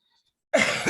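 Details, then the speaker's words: A single abrupt cough after silence from an adult who recently tested positive for COVID-19. Vaccinated with a second booster two weeks earlier, mild symptoms: a severe sore throat on day one that has since resolved. "excuse me as i cough but but you know my family has tested negative"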